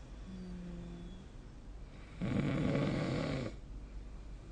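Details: Snoring recorded during sleep: a single loud, rough, low rattling snore on a breath in, with quieter breathing before and after.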